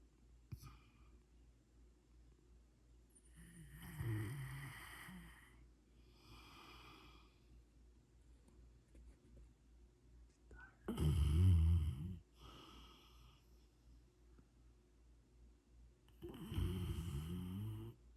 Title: Rottweiler - Snoring. Not Dangerous He loves to grab your shirt and go take a nap with it.